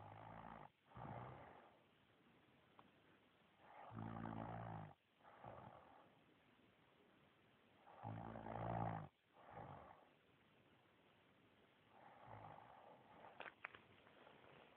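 Low, rattling snores come in bursts about every four seconds on a muffled, hissy recording; snoring.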